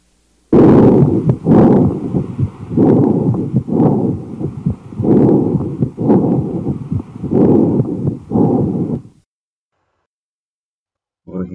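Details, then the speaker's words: Bronchial breathing heard by stethoscope in a patient with pneumonia: loud, harsh, hollow breath sounds over consolidated lung. "ακούστε τη βροχικο αναπνοή σε περίπτωση ασθενούς με πνευμονία"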